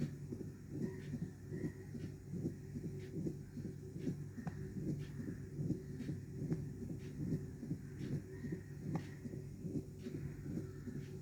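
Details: Mitral stenosis: regular heartbeat near 74 a minute with a low-pitched rumbling mid-diastolic murmur between beats.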